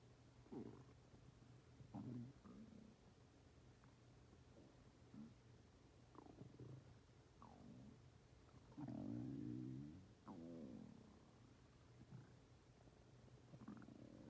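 Irregular low gurgles, rumbles and squeaky gas-and-fluid sounds over a steady hum; ordinary stomach growling.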